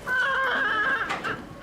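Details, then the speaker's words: Single thin, brief, high-pitched cry from a newborn boy who had trouble breathing on his own after a difficult birth with contraction-related decelerations, needing oxygen and stimulation; weak newborn cry. "with that tiny cry, everyone breathes a sigh of relief."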